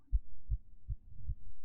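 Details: Female's heartbeat picked up by microphone: four low, regular thumps in under two seconds, about 150 a minute; a rapid heartbeat.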